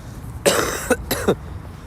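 A rough, harsh vocal burst followed by a short cough, two explosive sounds in total, over faint room noise.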